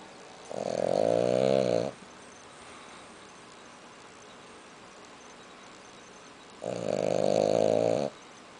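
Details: Loud snoring during a nap: two snores, each about 1.5 seconds of steady vibrating tone, with quiet breathing between them.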